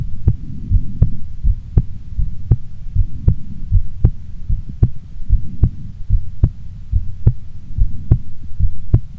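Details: Heartbeat of a female before sleep: steady, regular low thumps at about 78 beats a minute over a soft low hum; a normal resting heartbeat.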